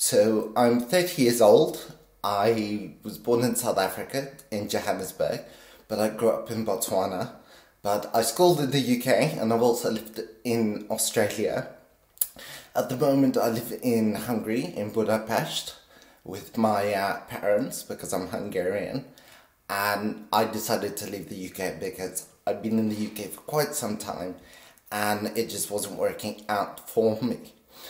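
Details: 50-year-old man with essential tremor since birth, very pronounced in his voice; deep brain stimulation at age 24 helps stabilize it but is not a cure; essential voice tremor.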